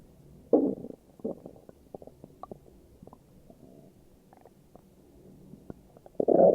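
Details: Morning stomach growling from an adult: gurgling, bubbling rumbles with scattered small pops; ordinary bowel sounds (borborygmi).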